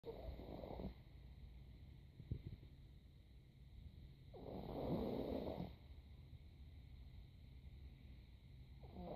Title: Snoring